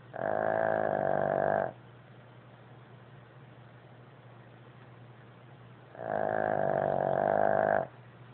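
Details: Two long, buzzing, tone-like snores about six seconds apart, roughly 10 breaths a minute, from a pug; resonant snoring in a flat-faced dog.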